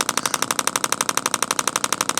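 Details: Radial shockwave therapy on an adult man's deltoid trigger point for shoulder pain, muscle seen fasciculating; rapid even clicking pulses about ten per second.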